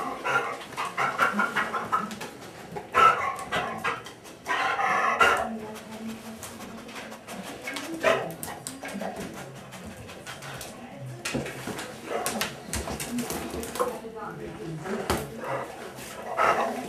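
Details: Dog panting: harsh, noisy breathing with raspy, partly high-pitched inspiratory sounds, the audible inspiratory stridor of laryngeal paralysis.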